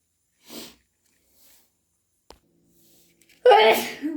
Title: Wet and desperate hayfever sneezes + blows! 🤧🤧